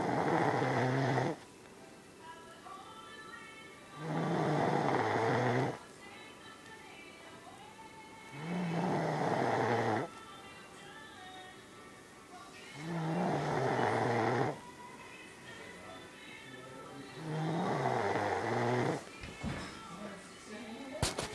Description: my girlfriend snoring